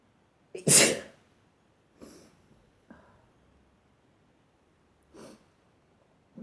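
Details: Repeated sneezing fit, some sneezes stifled and some strong and wet: one strong, explosive sneeze followed by several softer, stifled sneezes and breaths in a quiet room.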